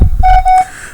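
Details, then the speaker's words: Non-invasive blood pressure monitor being tested with a simulator in a biomedical equipment class: short, clear electronic alarm beeps as the systolic, diastolic, MAP and low heart rate alarms are triggered; simulated patient monitor alarm. "you'll notice it it violated the systolic alarm at 75 it violated the diastolic violated the map and it violated the low heart rate so I've actually triggered several of my alarms right now"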